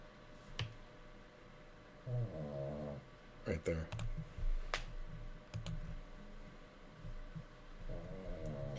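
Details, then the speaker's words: Snoring heard in the background of a live poker stream, from a sleeper. "H is snoring if you guys can hear that that's"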